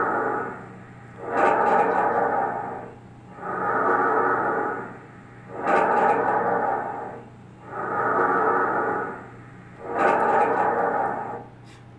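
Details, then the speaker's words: Normal bronchial breath sounds heard mainly over the supraclavicular and upper dorsal region: loud, hollow, blowing breaths at about 28 a minute, with a prolonged expiration. "aqui vai ser o som bronquial ele vai ser esse som mais forte aqui que você vai a escutar vai vir principalmente da avidade subra clavicular da região dsal superior sendo um som mais prolongado na expiração"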